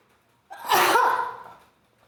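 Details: A single forceful, wet adult sneeze triggered by tickling, with a sharp inhaled onset and a hissing, fading burst.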